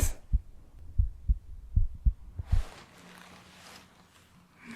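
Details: ASMR medical roleplay home cardiovascular exam: real heartbeat sounds by stethoscope while the patient, who reports a funny feeling in the chest, breathes normally in and out through the mouth; normal heart sounds.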